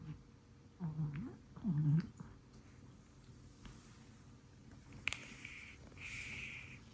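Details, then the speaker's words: Snoring from a sleeping pet cat (Scottish Fold or short-legged Munchkin): two soft, low rumbling snoring breaths, then quiet room noise and a faint high whine. "Listen carefully The cat is snoring"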